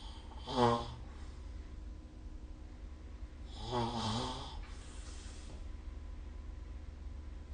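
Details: Two rough, rattling sleep snores on in-breaths a few seconds apart over a low room hum, recorded with the SnoreLab app.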